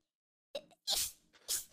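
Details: Female Twitch streamer: a quick intake of breath, then two sharp, hissing sneezes in rapid succession.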